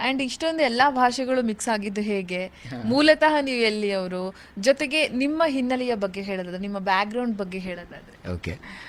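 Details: Adult woman speaking; Normal speech.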